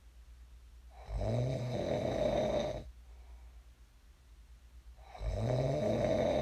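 Two long, loud, rattling snores on inhaled breaths, about two seconds each, separated by a quiet pause; ordinary sleep snoring.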